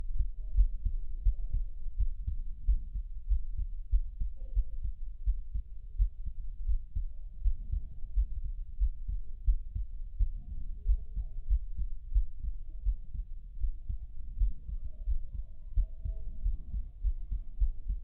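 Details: A child's heart sounds recorded with a digital medical stethoscope: rapid, regular, low heart thumps from the chest.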